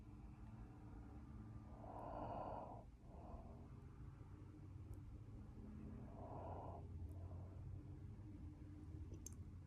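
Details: Person asleep snoring: two slow, rough, fluttering breaths over a steady low room hum.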